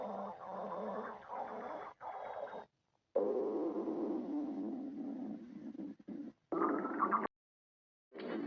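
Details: Stomach growling from a girlfriend: several bursts of low, bubbling gurgles and rumbles separated by short silent gaps (borborygmi).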